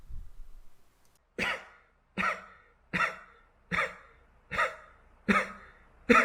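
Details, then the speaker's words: Seven short, sharp coughs about once a second, made deliberately by a person to make their cat react with a tail dance. "소위는 다른 고양이들과 다르게 사람의 기침 소리에 반응하는 성실히 있습니다 한번 보시죠"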